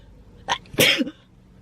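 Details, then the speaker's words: A short intake of breath, then one sharp, explosive sneeze with a brief voiced tail. "Okay, that was loud. Sorry about that. That was a fucking anime sneeze."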